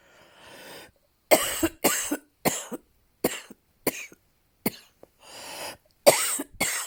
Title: Tousser/To cough